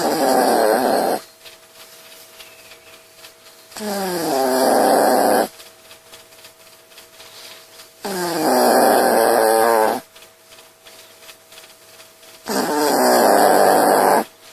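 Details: Pet dog snoring while asleep: rhythmic rattling snores on each breath, about 14 a minute, with a faint steady hum in the room.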